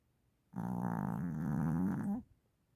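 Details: One long, loud, rattling, growl-like snore from a sleeping mother dog; snoring.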